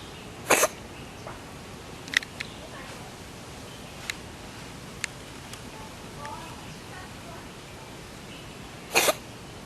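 Two short, sharp sneezes over steady background hiss, with faint clicks between them: sneezing, typical of a cat.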